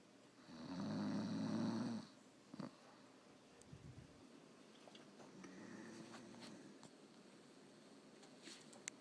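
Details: Sleeping person snoring: one rough, buzzing snore on the in-breath, then quieter breathing with small clicks and a fainter second rattle.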